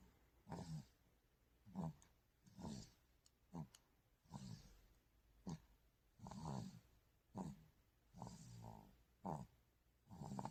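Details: Young child snoring while asleep: snoring breath sounds during sleep.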